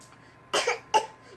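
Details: Child's deliberately forced fake cough, two short voluntary coughs made on purpose while being playful, not from illness; a parent asks whether it is a real cough.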